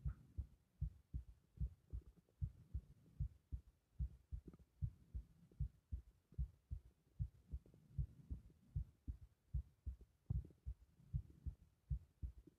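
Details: Regular, deep, forceful thumping at about 76 a minute heard over the carotid artery in the neck with strong pulsation; strong carotid pulse.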